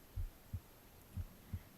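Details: Adult's heartbeat recorded on the left side of the chest while reading aloud: slow, regular paired thumps at about 60 beats a minute with a faint low hum behind, normal heart sounds.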